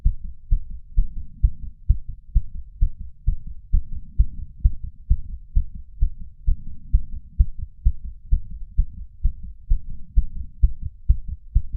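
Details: Fast, regular, pounding heartbeat of a 31-year-old male after exercise, slowing from about 150 to 130 bpm; sinus tachycardia with breath sounds, recorded with a lapel mic and small ceramic bowl.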